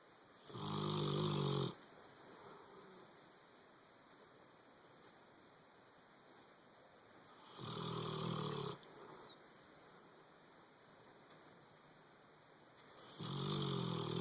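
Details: Boxer dog asleep on a bed, snoring: loud, rasping snores about every six seconds, roughly ten breaths a minute, quiet between.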